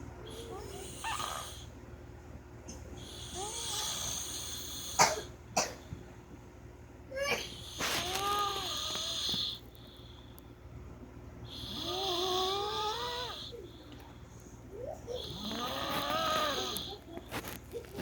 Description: If your father snoring it will be annoying to sleep